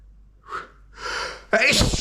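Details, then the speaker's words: Induced single sneeze by a male performer in a POV roleplay: two quick catching in-breaths build up, then one forceful explosive sneeze with spray. "well how was that for a sneeze huh"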